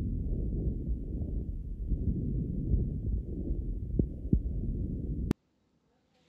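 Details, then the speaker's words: Normal breath sounds heard via Littmann Core digital stethoscope while the patient breathes in through the mouth, compared with nasal breathing; soft, steady low rushing of inhaled air. "so you can hear for yourself what I hear on the other side when you're breathing in through your nose and through your mouth and how much difference it really makes"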